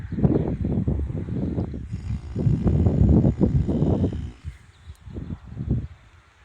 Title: Horse Snoring During Morning Nap || ViralHog